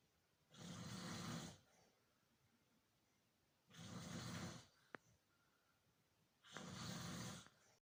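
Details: An older person ("senior") snoring: three loud, rough snoring breaths about every three seconds, with quiet pauses between.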